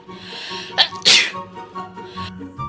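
A single sharp, explosive sneeze preceded by a brief inhaled catch, with faint music and room noise in the background.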